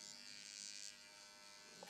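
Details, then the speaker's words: High, steady electric buzz of the AOS Nano Pen nanoneedling at home along the jawline on taut skin, moved slowly up and down with no pressure, in a quiet room. "following that jawline. We're moving very slowly, and I am not pressing down. You do not want to use any pressure when you're using your Nano Pen."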